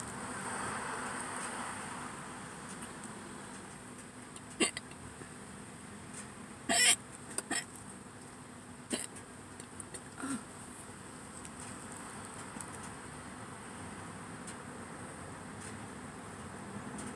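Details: Hiccups recorded in a parking lot before eating a Subway meal, occurring alongside some burps; brief sharp catch sounds recurring every second or two with steady car-like background hum: repeated hiccups.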